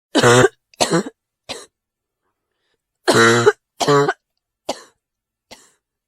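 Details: Two bouts of coughing, seven coughs in all, each bout starting with a loud, harsh cough and fading into quieter ones.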